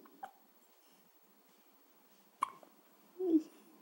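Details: One-week-old baby with hiccups: two sharp, brief hiccup sounds about two seconds apart, then a soft vocal sound, in a quiet room.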